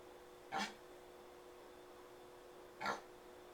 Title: Reggie cough 2012 01 07 12 10 04